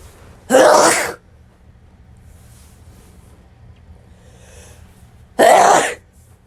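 Two sharp, explosive sneezes about five seconds apart with quiet between them: ordinary adult sneezes.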